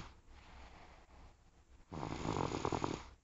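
A quiet stretch, then one loud, rough, rattling breath sound lasting about a second: a snore.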